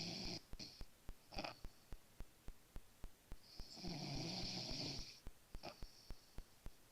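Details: Dog Rancen sleeping and snoring: rhythmic snuffling snore sounds with short hissing bursts and steady background ticking.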